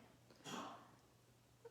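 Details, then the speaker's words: A single short, harsh, airy cough from a pet cat that has been coughing a lot today; the owner suspects a hairball. "don't know it sounds like she's got a hair ball or something but hopefully she'll lay back down"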